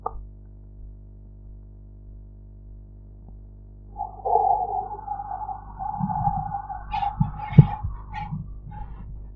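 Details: Practice blood pressure recording with enhanced audio while the sphygmomanometer dial falls: soft low thumps rise out of a steady hum and whistling background noise, Korotkoff sounds.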